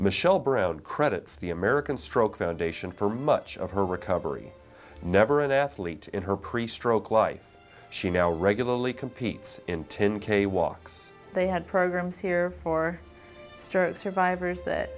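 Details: Adult male narrator; normal speech.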